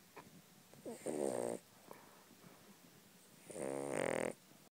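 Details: Yorkshire terrier asleep: two rattling, buzzy inspiratory snores separated by a quiet pause; snoring.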